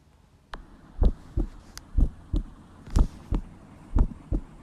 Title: #normalheartbeat#normalheartsound#auscultation of healthy 16-year-old girls heartbeats.❤️🫀